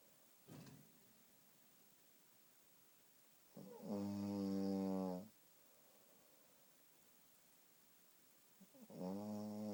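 Loud, buzzing snores on the in-breath with quiet pauses between them; snoring.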